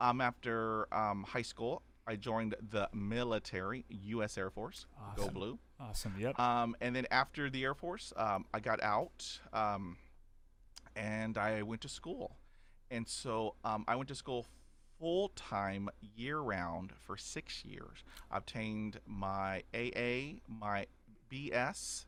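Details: Adult man who has stuttered since childhood, describing about 80% fluency after 20 years of speech therapy, with blocks and repetitions; stuttering.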